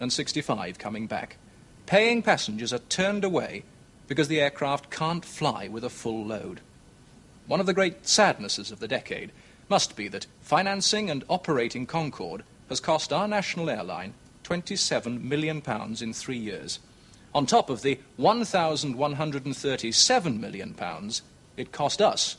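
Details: Adult male presenter; no disorder (presenter).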